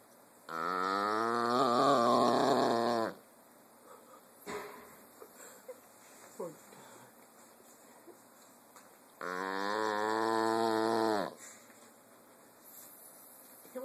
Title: Dugg the snoring pug